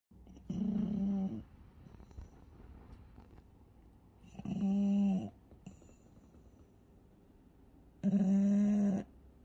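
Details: Sleeping pug with encephalitis snoring: three loud, buzzy, vibrating snores at steady intervals of about 16 per minute, with quiet breathing between.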